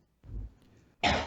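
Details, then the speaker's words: Adult male: a brief low throaty rumble, then one loud abrupt sharp-onset cough, mistaken by another speaker for a gunshot; single cough. "Was that a gunshot or some [ __ ] No, that was me coughing. I apologize. That was a cough, dude. That sound like a cough."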